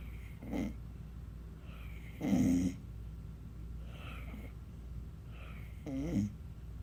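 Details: Sleeping dog wakes herself with her own snoring: four short, rough snorting breaths over about seven seconds, two louder with a rattling quality.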